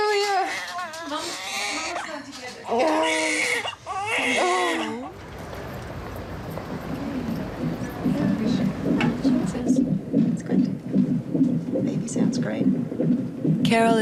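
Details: Strong, rising and falling cries of a newborn baby girl just after birth, then rustling and room noise.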